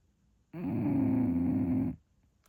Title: Snoring? How MUCH really? English Bulldog